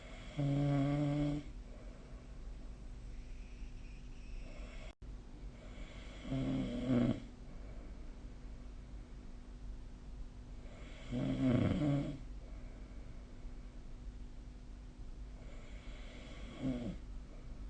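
Four rattling snores about five seconds apart, roughly 13 breaths a minute, over steady room hum.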